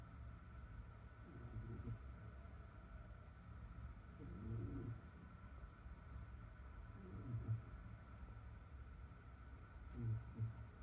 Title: Cat snoring in bath